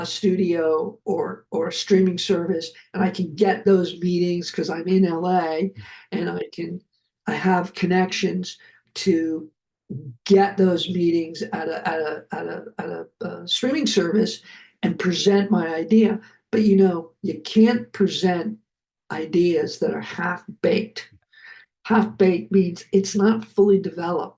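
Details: Adult man who survived a heart attack and has aphasia, which he says can be heard kicking in, with repeated words such as "of of of"; aphasia.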